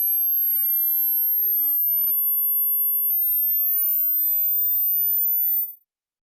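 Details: Personal hearing test tone: a steady, very high-pitched pure tone that rises slightly in pitch and then stops.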